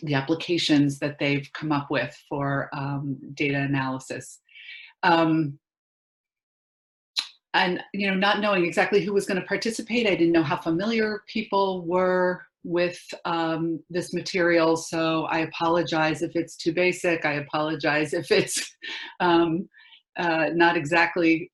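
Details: Adult speaker; normal speech.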